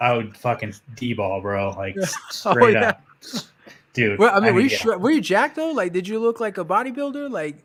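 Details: Adult speaker; normal speech.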